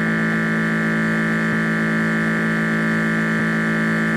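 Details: Automatic blood pressure monitor: steady motor hum with faint regular pulses as the cuff pumps.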